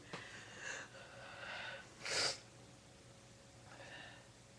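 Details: Sneeze with buildup: quiet sniffing and breathy inhalations build up to one short, hissing sneeze, then soft sniffles.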